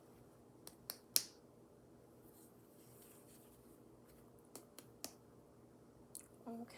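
Two quick sets of three light finger taps on the abdomen in a quiet room, giving a hollow percussion note: normal abdominal tympany.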